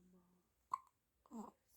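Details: Hiccups while stretching: one abrupt, short catch of breath, then a brief voiced sound, in a quiet room.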